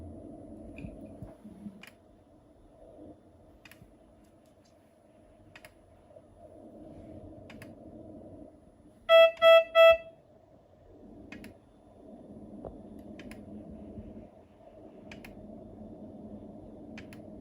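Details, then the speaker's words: Three short electronic beeps over quiet room hum as a Biolight S12 patient monitor starts a non-invasive blood pressure measurement triggered remotely from a central monitoring system in a demo; reading 127/79. "once I press the machine will automatically check patient's blood pressure remotely"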